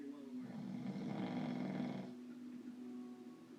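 A loud, rough, rumbling snore on a drawn-in breath, fading to a softer tone; snoring.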